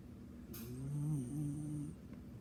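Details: Snoring beagle: a single low, rumbling, buzzy breath sound during sleep.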